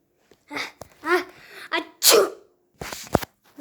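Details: Simulated sneeze in a comedy sketch: a robber hiding in a cramped space, struggling to breathe, gives one loud, explosive sneeze after muffled voices.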